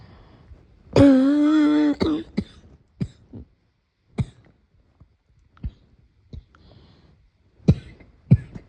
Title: Morning cough